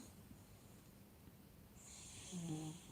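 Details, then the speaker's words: Sleeping granddaughter: quiet room hiss, then a single brief, low rattling snore near the end; ordinary snoring. "my granddaughter was snoring can you hear it listen"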